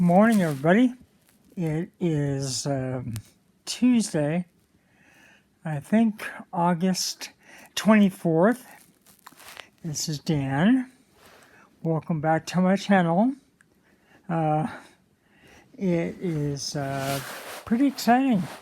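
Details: Stuttering in an adult man speaking casually; he went through speech therapy programs as a child.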